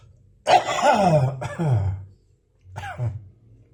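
Three dry, harsh coughs in an adult, with a faint whistling, wheezy quality trailing into each one.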